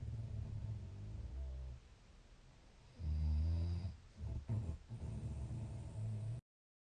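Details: Snoring during sleep: low, rumbling, fluttering snores repeating with each breath.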